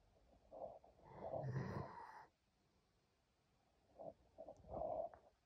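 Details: German shepherd snoring while asleep on owner's lap: a soft rattling snore on the in-breath, then quieter snorting breaths.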